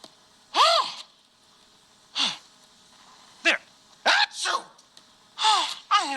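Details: Simulated sneezing performed by the Grover puppet character: about six exaggerated, high-pitched acted sneeze bursts, some in quick pairs, with brief pauses between; an imitated sneeze, not a real one.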